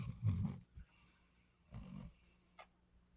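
Two low, rumbling snores about a second and a half apart in a quiet room; ordinary snoring from a sleeping dog.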